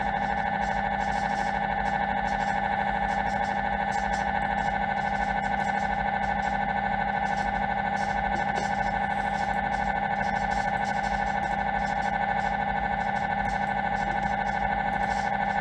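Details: MRI scanner running a scan: a loud, steady buzzing drone with rapid, regular pulsing throughout, the irritating noise patients hear during MRI.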